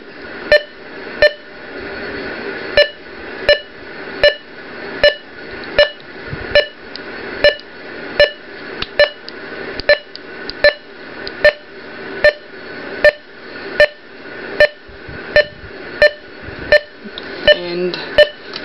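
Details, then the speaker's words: Ohmeda Trustat 3500 pulse oximeter on the speaker's finger, with the alarm limits being set: sharp pulse beeps at about 80 a minute with slightly uneven spacing. "so they have those as dashes so you can hear it beeping from a heart rate"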